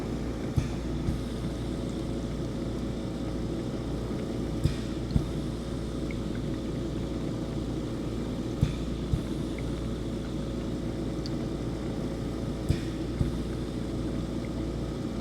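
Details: Home oxygen concentrator switched on for noise-level comparison against ambient room noise of about 43 dB: constant low hum and rumble with paired soft clicks every few seconds.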